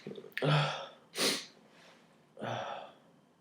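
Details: January 31st sneezes, which the person says usually come on when pulling nose hairs, fewer than usual this day; a voiced sneeze, a sharp hissing burst, then another voiced sneeze in a small room.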